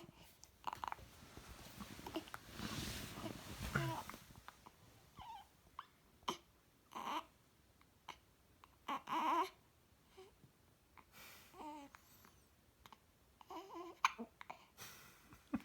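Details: Infant's first hiccups: short, sharp bursts about a second apart, with soft murmuring between them.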